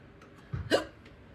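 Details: Eight-month-old black dog with hiccups: a single sudden, short, sharp gulp in a quiet room. Ordinary hiccup.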